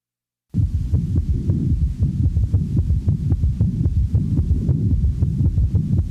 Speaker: the following example demonstrates an s3 in a patient manifesting congestive heart failure since the heart rate is rapid one of the first compensatory mechanisms of failure one has the impression that there are three sounds with each cardiac